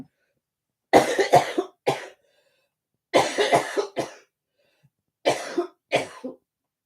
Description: I am struggling with a bad cold, cough and chest infection so tonight might be a very short live